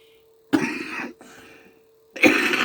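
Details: Adult coughing while talking: two harsh, dry-sounding coughs in quick succession, then a third burst, with a faint steady background tone.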